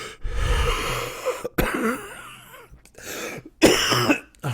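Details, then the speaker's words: A few deliberate harsh coughs with throat clearing and a catch in the throat from an adult man with a slightly rough voice, coughing intentionally to let listeners hear it; cough with throat catch. "so let me explain the cough i wanted to hear the cough and i wanted to hear the [ __ ] like uh uh the catch in my throat and like i said my voice is a little rough too"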